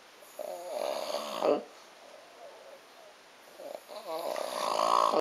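Two rough, rattling snores with a quiet pause between them: snoring.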